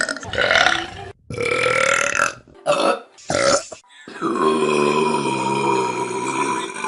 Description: The best burps on vine.